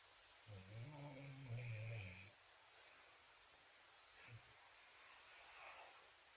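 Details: Pet dog snoring while asleep.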